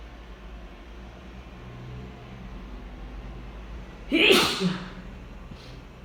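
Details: Single loud, forceful sneeze from a person described as drunk, against steady low background noise.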